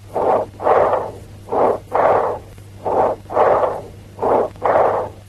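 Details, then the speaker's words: Stethoscope diaphragm: loud, high-pitched blowing breathing, expiration louder, higher-pitched and as long as or longer than inspiration, with a pause between them; bronchial breath sounds. "In bronchial breath sounds, the expiration is louder and higher pitched than inspiration."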